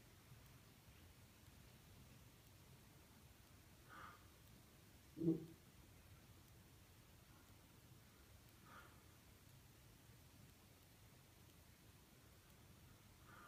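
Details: Patient with chronic burping/hiccups, quiet room: brief, abrupt gulping sounds every four to five seconds, one louder than the rest, fitting recurrent hiccups.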